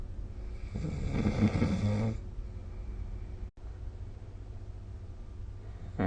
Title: 🐽 Snoring Sleep Sound / いびきの音